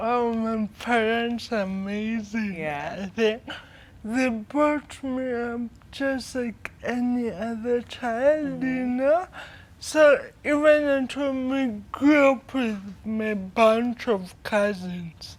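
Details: 25-year-old woman with cerebral palsy from birth brain damage due to lack of oxygen during her mother's prolonged labor, affecting leg and hand movement, coordination and speech; dysarthria (cerebral palsy).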